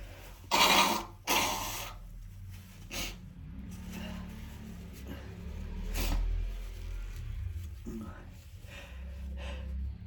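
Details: A male filmed sneezing to show his spray: two forceful sneezes in quick succession, then quieter breathing and room noise.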